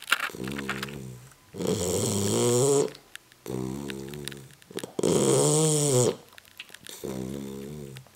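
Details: 9-week-old Tibetan Mastiff puppy asleep on a couch: loud rumbling, groaning snores alternating with rough breathing, about 15 breaths a minute: snoring.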